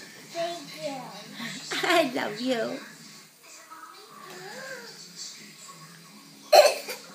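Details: Playful sneeze from a young child, a sudden forceful burst of breath and voice followed by a sharp puff at the end; sneeze.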